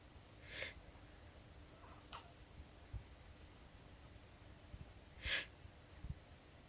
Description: My silly black cat 'kuro' complaining at me sneezing. 😰